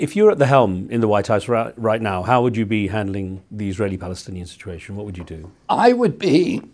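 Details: Adult male interviewer; normal speech.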